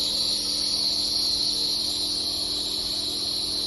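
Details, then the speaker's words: Air-driven compressor nebuliser switched on with green button, used for COPD or asthmatic patients; steady high-pitched hiss and hum running continuously; nebuliser compressor running. "so in order to switch the machine on you'll see a green button and you literally press the on button and you're going to hear a big a kind of a bit annoying"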